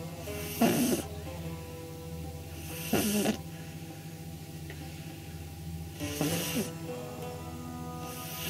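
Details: Snoring in a 9-week-old pug puppy sleeping on her back with eyes rolled back; three noisy snoring breaths over about eight seconds with a steady background hum; phone recording.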